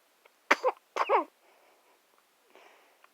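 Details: Baby sneezing: two quick, sharp sneezes close together, followed by soft breathing and quiet room sounds.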